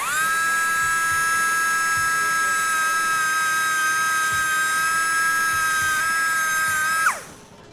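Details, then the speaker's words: Mini dachshund with congenital split paw and six toes, during paw reconstruction surgery: steady high-pitched surgical drill whine about seven seconds, then winding down, drilling out the joints below the main wrist joint to fuse them. "I'm drilling out the joints that form the wrist below the main moving part OF THE WRIST."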